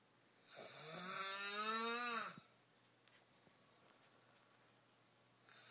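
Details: Snoring, captioned as a man who can't breathe but described as a laughing hyena: one long, rising, buzzy snore lasting about two seconds, then quiet.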